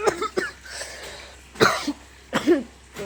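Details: Cough from a boy who is ill with fever, cough and headache and has an injury.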